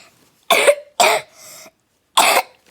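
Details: Three short, sharp coughs from a child, with a brief voiced throat sound between the second and third; coughing.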